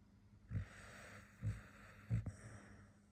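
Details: Three short, low, rough nasal snorts about a second apart over a faint steady hiss: snorting sounds from a sleeping dog.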